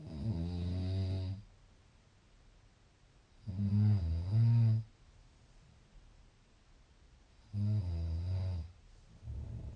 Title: Snoring.30 June